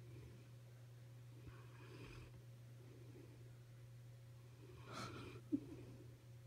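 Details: Snoring recorded on 23 December 2015.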